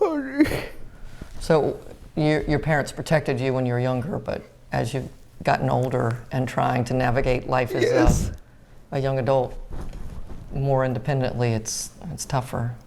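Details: Adult speaker, likely male, in a small room; normal conversational speech.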